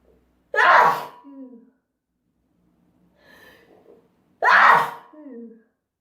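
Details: Two loud, sharp sneezes about four seconds apart, each with a short voiced tail and a soft breath between, from a sneezing compilation.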